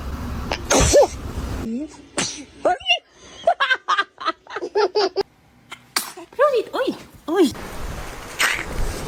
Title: The baby sneezes#cute #interesting #kid #usa